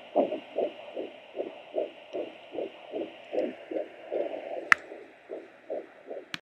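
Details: Fetal heartbeat of a boy at 19 weeks on a Sonoline B Doppler: rapid, regular whooshing pulses at about 150 a minute.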